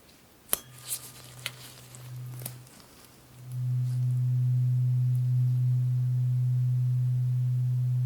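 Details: A few taps, then a struck tuning fork's steady, sustained low pure hum, held next to each ear to compare hearing, during a simulated ASMR neurological exam.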